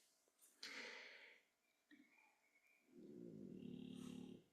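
Noisy snorting breath sounds with a drawn-out rumbling snore, from a sleeping small flat-faced dog.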